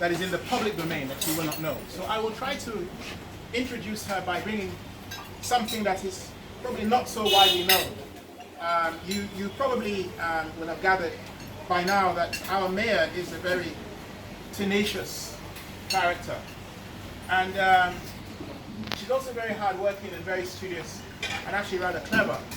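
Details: Adult speaker; Normal speech.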